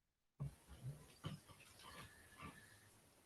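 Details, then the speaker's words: Dog snoring in the background during an online talk: low, grunting snore noises from a resting dog, heard faintly over a steady background hiss. "soor that's my dog's snoring in the background sorry if you can hear"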